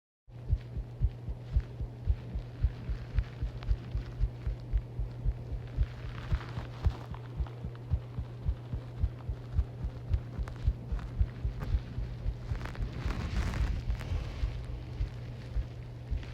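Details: Rapid, regular low heart thumps about 113 beats a minute over a steady hum: fast heartbeat, which the person suspects is due to a large caffeine intake.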